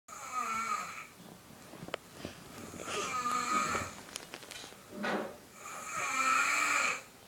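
Soft, high, whistling snores with breathing, about three breath cycles in a quiet room; a child snoring lightly.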